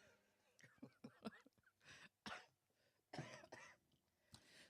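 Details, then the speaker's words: Adult still recovering from about two weeks of illness, with a husky voice: several short, rough, wet-sounding chesty coughs and throat clears. "still recovering then that's how I've been no sir oh dear I have been ill I've been suffering in silence no man it's not a joke as you can hear still got the chesty cough"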